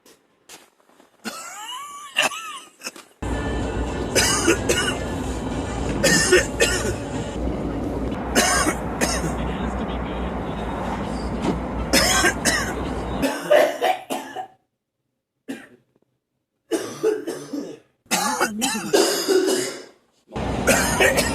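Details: Adult man coughing repeatedly in short bursts and clearing his throat, a compilation of several coughing moments, with music and vehicle noise in the background; cough.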